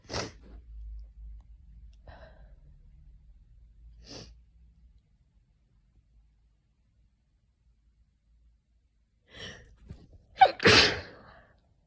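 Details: Adult coming down with an autumn common cold, itchy: brief sniffs and a catching breath, then a sharp, forceful sneeze burst near the end.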